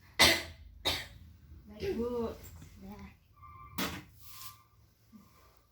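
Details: Nursing-skills practice of deep breathing and effective coughing on a simulated adult female patient: after guided deep breaths, two sharp forced cough bursts, a few murmured words, then another cough; acted demonstration of effective cough.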